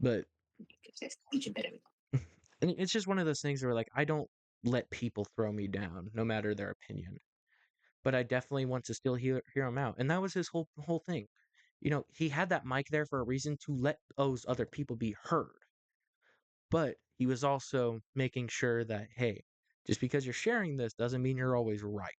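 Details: Adult male host with a stuttering issue he says is worse when talking on camera or to someone important, occurring every so often; word repetitions audible; stuttering.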